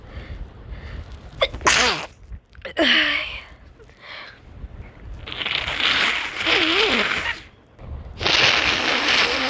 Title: Sneezes + Nose Blowing